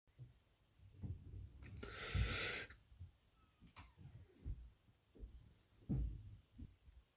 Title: World Loudest Sneezes Past Week Caught on Video